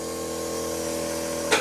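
Steady mechanical motor hum with a constant airy hiss and a brief louder burst at the end: a nebulizer compressor running.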